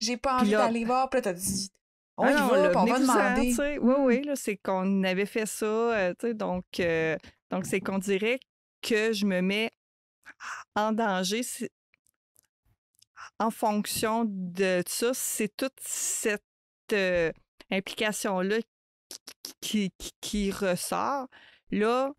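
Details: Adult woman who stutters, a mother of two adolescents; stuttering.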